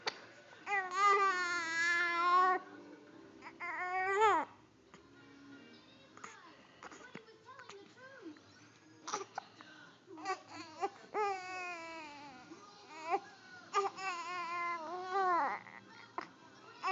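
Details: Infant, reportedly with hiccups, giving repeated wavering cries separated by fussing and soft sounds as a caregiver soothes, over quiet background; infant cry.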